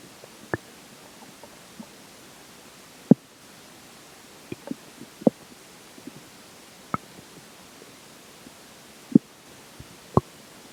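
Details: Stomach growling during digestion, as water and air begin taking major effect: scattered brief gurgles and pops over a quiet background, about ten in eleven seconds; borborygmi.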